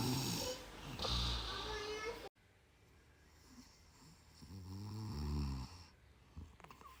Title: Strip bagus untuk mendengkur🤣 #ngakak #lucu